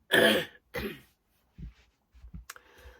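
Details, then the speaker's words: Two harsh, throaty coughs followed by soft throat and breath sounds from an adult woman whose cold has taken a worse turn; a cough from a common cold. "And uh as you can probably hear, it's taken a bit of a worse turn, but um I can't call and see the doctor because I'm out today."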